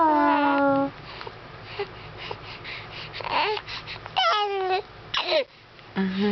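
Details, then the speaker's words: A baby girl gives several short, high-pitched wailing cries while an adult soothes her in a small room; an ordinary infant cry. "hello a don't cry say hello okay that's good see your cute little outfit"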